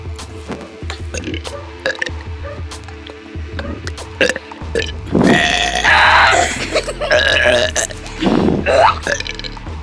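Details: A run of loud, rumbling burps over a steady music beat; repeated belching.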